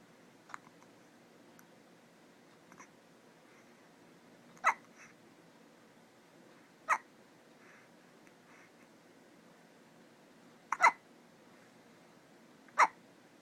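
Soft, sharp hiccups from a baby, about four clear ones spaced a few seconds apart in a quiet room.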